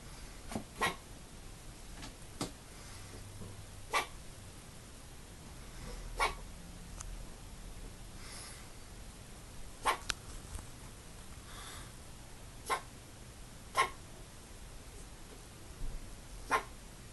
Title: Pigeon with Hiccups